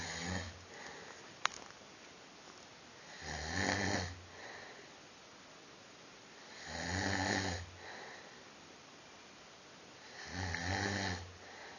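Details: Person asleep at a fan event in 2013: loud, rough rattling on each breath in, about 17 breaths a minute; snoring.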